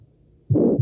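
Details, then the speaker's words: Aortic stenosis murmur played in a semiology lecture: after near silence, a brief loud harsh rushing sound between heart sounds, likened to a whistle or asthmatic wheeze. "como pueden ver, bueno, el soplo justamente se escucha como un silvido y se escucha justamente como si eh no sé si han escuchado un paciente con asma con civilancias, ya es algo así o como un crepitante"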